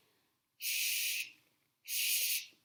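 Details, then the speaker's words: Two short rushing hisses of air, each about half a second, as a manual resuscitator (Ambu bag) gives two breaths via tracheostomy after suctioning, in a nursing skills check-off. "that was two breaths with the ambi bag"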